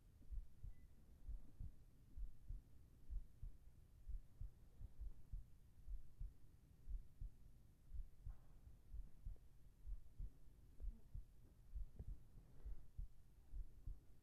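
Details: Soft, steady low thumps at about 65 beats a minute over a faint hiss, from a heartbeat recording made for sleep and relaxation ASMR with whispering: a calm, regular normal heartbeat.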